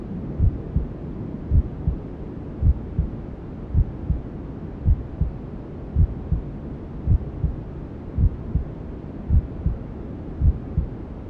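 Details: Newborn sleep-aid ASMR: steady soft thumps, about 54 a minute, under constant hiss, a mother's heartbeat mixed with white noise imitating womb sounds; heartbeat with white noise.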